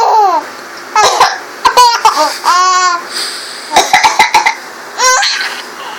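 Short dry coughs from an adult alternate with a baby's high, bubbly laughter in reply.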